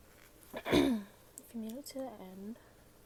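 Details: A single sharp sneeze with a quick intake of breath before it, followed by a few short voiced sounds, in a quiet room; a female sneezing.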